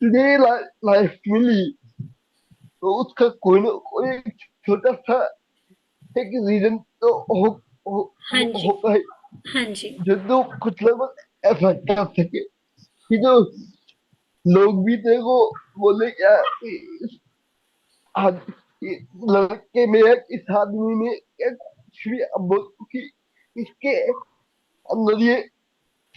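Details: Young adult man with cerebral palsy diagnosed at age 2, unable to speak as a child, still needing double effort to speak clearly; dysarthria.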